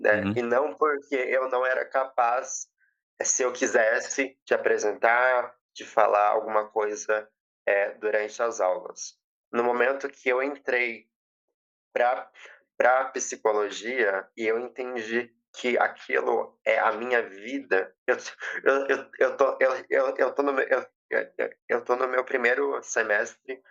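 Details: 20-year-old woman who has stuttered since age 7, with past speech therapy, stuttering worsened by emotion and nervousness, very nervous while giving a public talk; stuttering.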